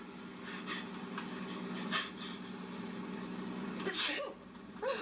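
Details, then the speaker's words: Acted film scene (The Clock): a young woman sneezes exactly twice, triggered by the sun, with two quick voiced sneezes over old-soundtrack hiss and hum; photic sneezing. "Gesundheit. You're not catching cold, are you? No, it's the sun. It always does this to me. I always sneeze exactly twice."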